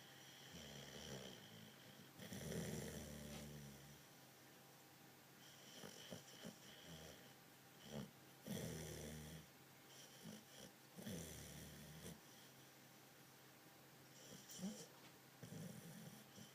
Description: The dog snoring and dreaming a bit